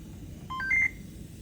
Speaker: so it's beeping at me because it says I don't have water my water's